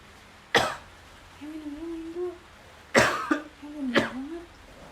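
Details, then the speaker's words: Faked cough in a prank, pretending to cough blood for a girlfriend: three sharp, forced coughs with brief throat sounds between them. "Kok aku baru tahu batuk kamu berdarah?"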